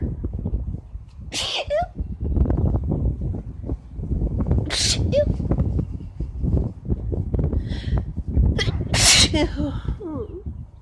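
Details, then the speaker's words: Repeated sneezing after painting in a bathroom, with allergic irritation and tearing on a warm spring day around 85 degrees: three forceful, explosive sneezes over steady low background rumble. "I just been painting in the bathroom and it's finally gotten to me I feel like a"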